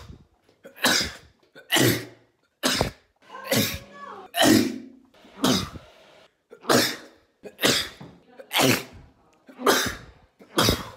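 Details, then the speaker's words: About ten forceful sneezes in quick succession, each a sharp hissing burst, some with a short voiced intake before, from a compilation of one person's phone recordings of his own sneezes; repeated ordinary sneezing. "I just I just decided one day in the 13th of November 2019 that I was gonna start recording myself every time I sneezed"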